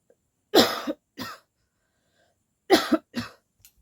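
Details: Woman deliberately imitating coughs on request, with no cold; two pairs of short, forced coughs separated by silence; voluntary cough, not a true illness cough.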